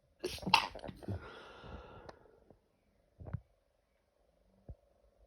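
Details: During allergy season, a loud explosive sneeze followed by two smaller sneeze-like bursts in a quiet room; a sneezing fit.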